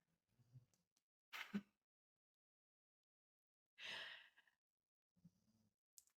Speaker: Can you hear my dog snoring? under the desk. Oh boy.